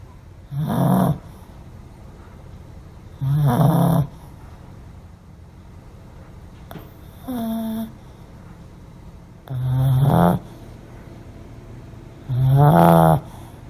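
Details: Pomeranian snoring loudly: rough snores in five bursts, about 22 a minute, each with a buzzing low tone on the in-breath; the dog sometimes startles awake from its own snoring.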